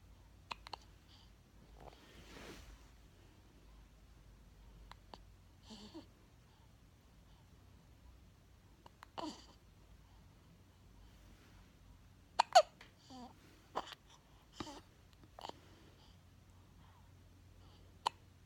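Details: 17-day-old newborn boy holding his head up, quiet room with brief, sharp catches in the breath a few seconds apart; newborn hiccups, a normal finding.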